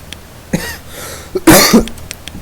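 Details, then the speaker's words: Plain cough from an adult gamer who coughs often: a brief throaty sound, then a sharp double cough, over faint background game sounds in a small room. "Surprisingly enough, I've actually censored a lot of me coughing despite how often you guys might hear it."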